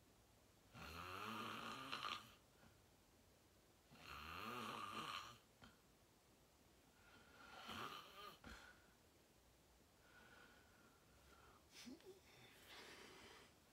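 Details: Loud, harsh snores on each inhalation every few seconds, quiet gaps between breaths, small room; person filming themselves sleeping, fell asleep fast around 8:45, described as deep REM sleep; sleep apnea tagged.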